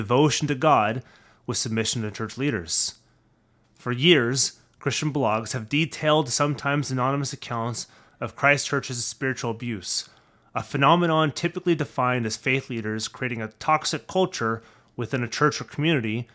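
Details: Adult male narrator; Normal speech.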